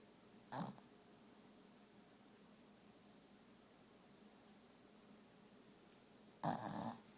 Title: Chihuahua snores